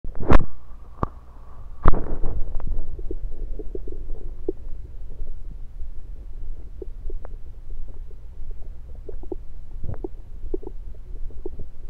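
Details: Bowel sounds through a stethoscope moved around the belly (10/16/23), recorded mainly to show stethoscope placement: low rumbling and scattered soft gurgles with occasional stethoscope scraping and knocks.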